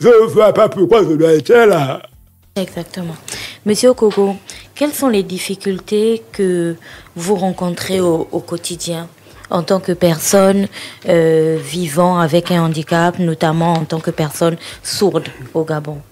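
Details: Adult woman; typical speech.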